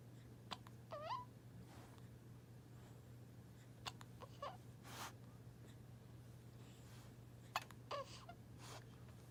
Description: Baby Hiccups with puppy brother watching over him.